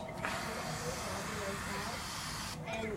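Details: Male patient on a ventilator with lungs too weak to cough by himself, using a mechanical cough assist machine: loud steady rushing hiss of air for over two seconds, then stops, pushing and pulling air to clear the lungs.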